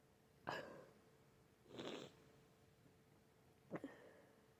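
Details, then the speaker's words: Sick person with an itchy, runny, snotty nose sneezing repeatedly: short bursts of sneezes with sniffs in between over a quiet hiss. "My nose is so itchy. So itchy right now. I'm gonna sneeze again. Damn it."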